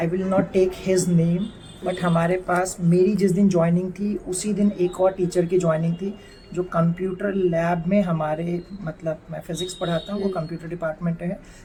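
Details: Adult man speaking Hindi; typical speech.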